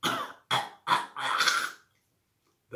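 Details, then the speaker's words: Person imitating kennel cough (canine contagious cough) in a dog: four harsh, dry, hacking, honking unproductive cough bursts. "usually you'll find you here unproductive coughing like a dry hacking cough and ending off with unproductive before me a little bit like"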